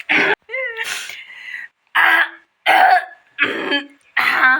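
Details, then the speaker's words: An adult woman gives about six forceful, exaggerated coughs and throat-clearing sounds, acted for comic effect while she says she has a terrible cough; cough. "आज मेरी आवाज़ आपको थोड़ा अलग लग रही होगी ना, खांसी हो रही है इतनी भयंकर।"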